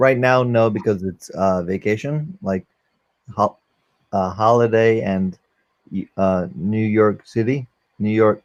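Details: 44-year-old man, a former paramedic, with aphasia from a stroke; he cannot use one arm; post-stroke aphasia.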